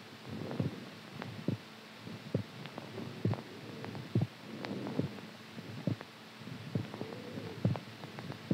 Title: HEARTBEAT SOUND SLEEPING STRONG